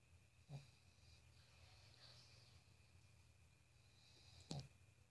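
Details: Sleeping pug snoring: two brief, low snorting breaths about four seconds apart over a steady room hum.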